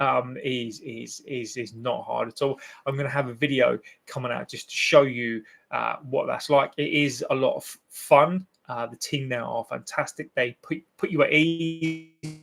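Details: 42-year-old man, a self-described covert stammerer who substitutes words to avoid stammering, with fluency improved over the years: stammering (stuttering).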